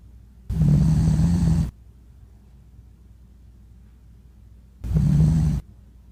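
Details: Sleeping dog snoring: two loud, low, rattling snores separated by a quiet pause, each about a second long.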